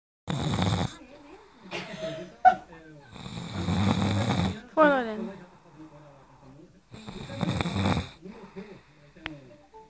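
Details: Snoring: loud, rough snores on the inhalation with quieter breaths between them, over some room noise.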